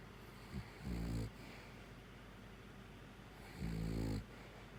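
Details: Bear snoring: two deep, rumbling snores, each about half a second long, separated by a quiet pause of nearly three seconds; snoring.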